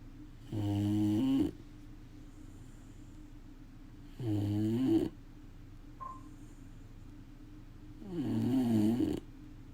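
Three loud, rough, rattling snores on the in-breath, about 16 a minute, with quiet gaps between. Dog snoring.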